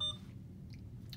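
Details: Alaris IV infusion pump while programming a secondary infusion of ceftriaxone 2 g in 50 mL over 30 minutes: a single short, high keypad confirmation beep, then low room hum.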